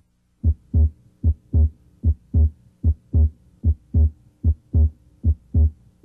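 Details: Physiologic split S2 heard with the stethoscope over the left sternal border interspaces during a cardiac examination.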